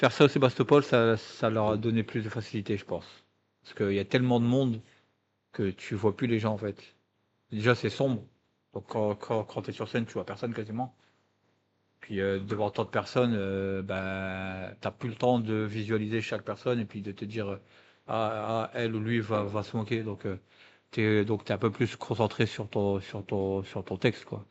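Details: Adult male guest who says he stutters, recounting eloquence contests as candidate and coach; stuttering.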